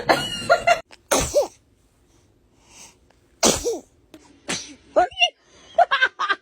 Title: Baby sneezes #trendingshorts #tiktok #shortsfeed